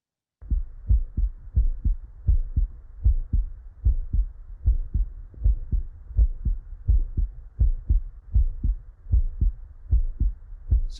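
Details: Heart sounds heard live through an echo digital stethoscope used for telemedicine consultations: regular low lub-dub heartbeats, about 80 beats a minute.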